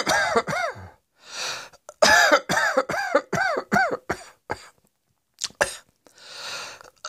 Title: Cross Dressing Coughing 107